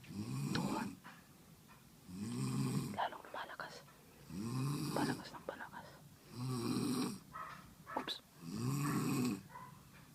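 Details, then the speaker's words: Unseen person snoring loudly, heard during a video game and tracked down by the sound; rough, rhythmic snores, about 29 per minute, with quieter breathing between; snoring. "Hahanapin namin yung ung humihilik ang lakas dali dito malapit lalong lumalakas yung boses"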